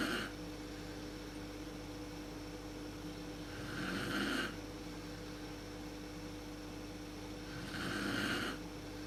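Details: Mother snoring in the dark, worst at sleep onset, recorded on a PowerShot SX130 IS camera: two slow, rough inspiratory snores about four seconds apart over room hum.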